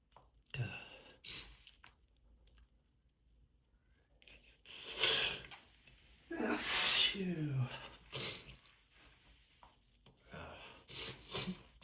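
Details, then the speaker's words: Adult with seasonal allergies, sneezing fits starting on waking and not letting up: several sharp explosive sneezes with drawn-in breaths between, quiet room; allergic sneezing fit. "Yeah, they just don't let up. They just don't let up. As soon as I wake up, they just start up again."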